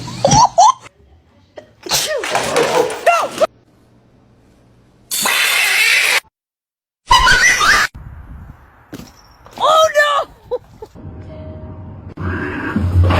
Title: Cat Sneezes So Loud It Scared the Dog 🤧😱